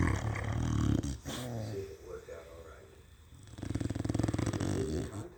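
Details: Pet dog snoring away while asleep: low, rattling, fluttering snore sounds with quieter breathing in between.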